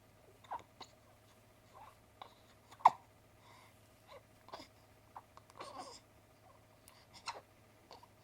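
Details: 1-week-old newborn boy's hiccups: soft, brief, repeated catching sounds with small whimpers over a steady background hum.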